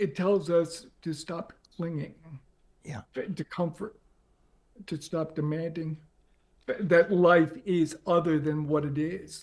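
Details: Adult man with ALS diagnosed four and a half years earlier and now near end stage; paralysis spread from right calf through legs, core, arms and hands to the neck; uses a ventilator to speak; difficulty speaking and breathing; dysarthria in ALS.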